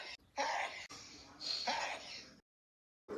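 Two harsh, noisy throat bursts in a small room, consistent with throat clearing or a stifled sneeze.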